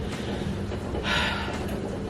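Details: A woman with nasal congestion from what seemed a bad sinus flare makes a short, wet sniff through a blocked nose against steady room noise; congested sniffle.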